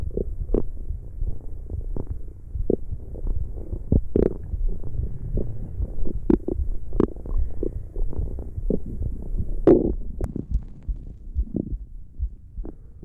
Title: ASMR This is the sound you were looking Stomach growling 💤